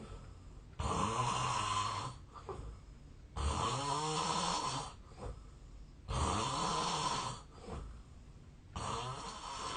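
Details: Real sleep audio recorded 8 years earlier, when the snorer was thinner and suspects a long-standing sleep disorder: loud, harsh, rattling snores about every two to three seconds, with quieter breaths between; heavy snoring.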